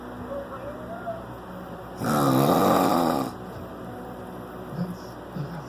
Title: Snoring in the dark...could you sleep to this. Oh and the fan is even going.